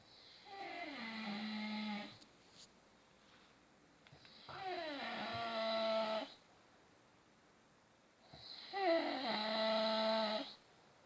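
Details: Father snoring: three long, loud, rattling snores with quiet pauses between, about 14 breaths a minute, in a quiet room.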